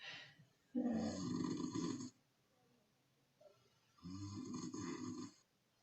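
Two rough, rumbling snores lasting over a second each, with a quiet gap between; snoring during sleep.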